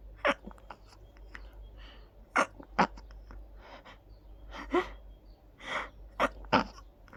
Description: I tried to hold the sneezes back as much as I could... What a relief to let them out 😅🤧